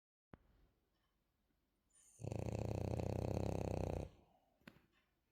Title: The queen sleeps and snores quietly #dog #frenchbulldog #dogsnoring #doglady #dogqueen #queensnoring